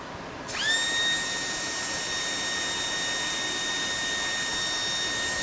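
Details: Patterson EX 100 dental low-speed air motor running on a flow meter, using about 42 standard L/min (roughly 1.4 CFM): spins up to a steady high-pitched whine with airy hiss.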